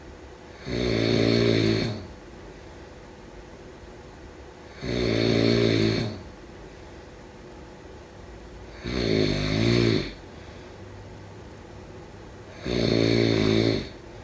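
Four loud, vibrating snores, one every four seconds or so, about 15 breaths a minute, with quiet pauses between. Adult snoring during sleep.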